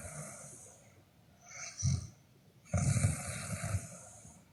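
Low rattling snores on breathing in, two in a few seconds, with a hissy background between them.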